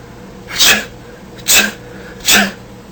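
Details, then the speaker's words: Three quick, sharp, hissing sneezes in a row, under a second apart. "third sneeze sneezing Force the saliva and germs out you don't need to spread your Sal and germs to others sneeze in a tissue or in your elbow for [Music]"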